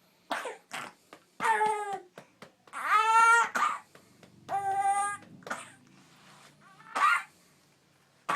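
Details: A child coughs repeatedly in short bursts with voiced, strained sounds, a productive cough clearing mucus ("snot crud") while being urged to get it out.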